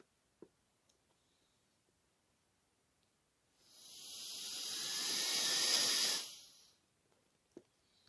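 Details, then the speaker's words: A loud, rising rush of air for about three seconds as a person blows too hard through the mouthpiece of a homemade Arduino smart incentive spirometer; the display warns the flow is too high and to slow down. "now i'm showing to going to show the the hardest bit that's mean i blow it too hard and it will also tell you it's too hard so you need to slow down your breathe"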